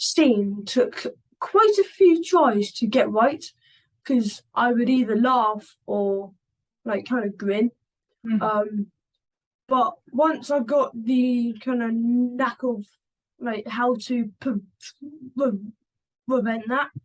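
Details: 11-year-old boy who stammers, in a conversational interview. Stammering.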